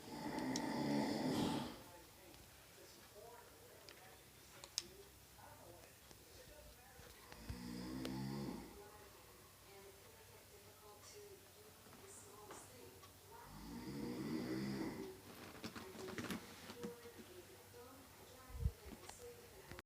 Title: Me waiting for a game to install while my grandpa snores in the background